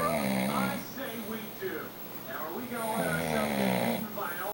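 Continuous rough, rattling, somewhat voice-like snoring with little pause between breaths; heavy snoring.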